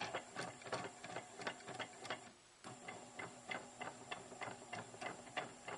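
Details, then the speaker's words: NEMA 17 stepper motor run by an Arduino at 12 volts, driving the leadscrew of a DIY syringe pump that binds slightly; rapid uneven clicking and ticking with a brief pause midway. "But as a proof of concept, the stepper motor does work and it does bind a little bit."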